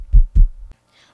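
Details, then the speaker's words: A single lub-dub of two low thumps through a stethoscope held to the middle of the chest: a normal beating heart in a children's science lesson. "if you hold the stethoscope to the middle of your chest just listen to what you can hear that's the sound of a beating heart"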